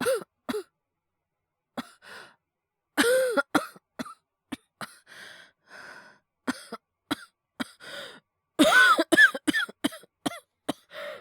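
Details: Acted, not real, cough voice collection by a male voice actor: a series of short, light coughs with voiced catches and small throat-clearing sounds, singly and in quick runs.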